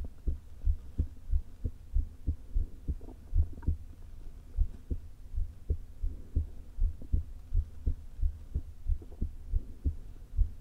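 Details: Woman's heart recorded herself via stethoscope placed low on chest: rapid, irregularly spaced beats with low hum and stomach-rumble gurgles; atrial fibrillation with a leaking heart valve, before open heart surgery.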